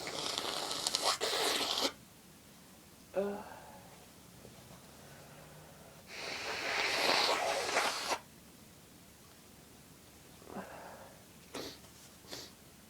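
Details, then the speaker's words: Repeated loud, forceful sneezing fits from a person with a cold: long noisy hissing bursts with short voiced catches between them, in a quiet room; the sneezes are described as itchy, huge and uncontrollable. "Oh, bless me. Oh God, I'm gonna sneeze again. I feel it building."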